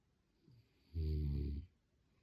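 A single loud, low, rattling snore on the in-breath, lasting under a second, against a quiet room.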